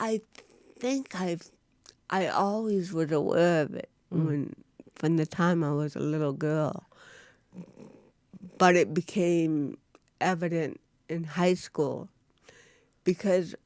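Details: Woman (actress) with cerebral palsy, real, unacted speech in a studio interview; dysarthria in cerebral palsy.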